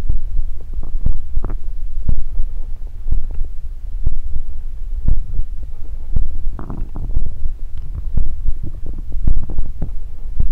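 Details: Close-up body ASMR recording of a person's stomach: low gurgling rumbles and soft bubbling pops from the belly, ordinary stomach growling (borborygmi).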